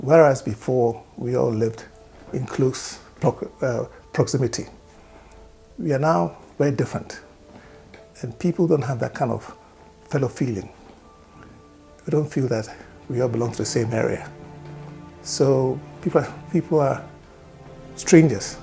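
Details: Adult man speaking; stammering.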